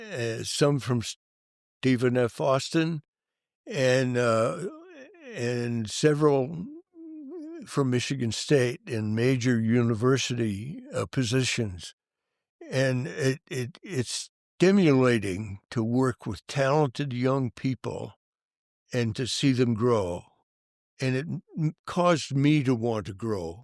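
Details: Adult male band director whose stuttering was severe from youth and stayed severe for many years, and who says he still stutters; stuttering.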